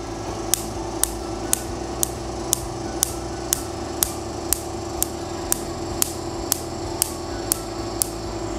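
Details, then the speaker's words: Fractional laser treatment of a natural scar with an 8 mm DF handpiece on the Duality Signature, third pass: sharp snapping clicks at a steady two per second over constant fan hum, muted compared with tattoo-removal snaps. "so that snapping sound I hear is perfect it's the right amount of snap definitely not the same type of snap that you would hear with laser tattoo removal"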